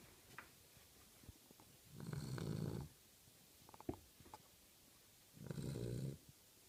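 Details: Snoring from a sleeping Cavalier King Charles Spaniel: two rumbling, fluttering snores about three seconds apart, with soft sniffs and clicks between them.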